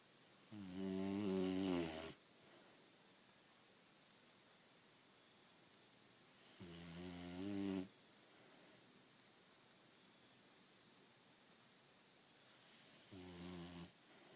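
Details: Three loud, low, buzzing snores about six seconds apart, roughly ten breaths a minute, in a quiet room; snoring.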